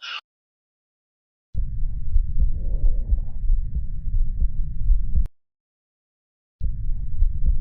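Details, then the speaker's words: Stethoscope over the abdomen: a continuous low rumbling hum, systolic and diastolic, a venous hum from portal hypertension due to portosystemic circulation. "الفيناس هام ده عباره عن السوستليك والدياستوليك ميرم ميرم ميرم هو عباره عن الصوت اللي انا بلاقي فيه ان في كونتينس ميرمر معانا وده بسمعه امتى؟ لما بيكون في بورتر هايبر تنشن"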